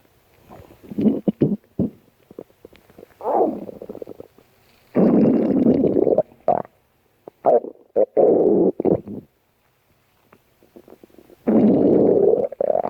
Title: stomach growling 2